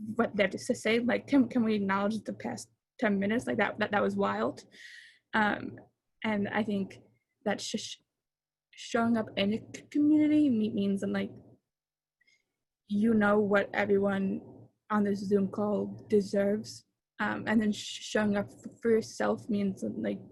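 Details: Young female who stutters, with sound repetitions and word repetitions; stuttering.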